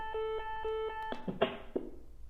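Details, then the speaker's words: Repeated steady two-note electronic shock alert tone from an AED training unit after it analyzes heart rhythm and advises shock during a CPR demonstration, then brief clicks and handling noise. "do not touch the patient analyzing heart rhythm shock advised do not touch the patient everyone clear press the flashing shock"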